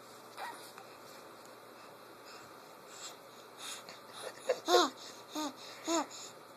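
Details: Laughing infant with wheezing: short bursts of giggles with squeaky, whistling, musical sounds on the breaths between them.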